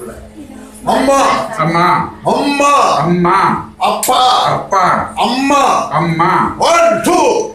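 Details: Adult voices, therapist and patient; therapist modelling words in speech therapy.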